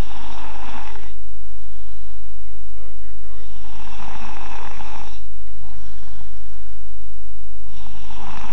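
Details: Seven-year-old boy snoring loudly: harsh snores with each breath in, roughly three over eight seconds, separated by quieter breathing out.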